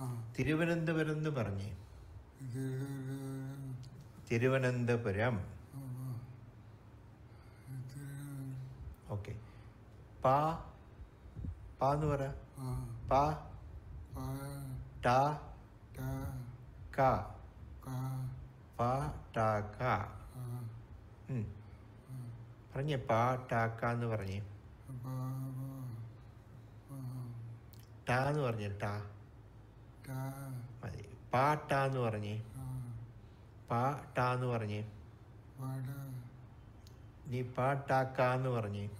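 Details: Man with progressive supranuclear palsy, progressive non-fluent aphasia variant; says single syllables but cannot combine them into words or repeat pa-ta-ka more than once or twice; inconsistent pronunciation, volume trailing off; apraxia of speech.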